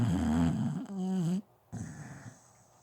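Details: Sleeping dog at home snoring: a couple of rumbling, slightly whining snore breaths in a quiet room.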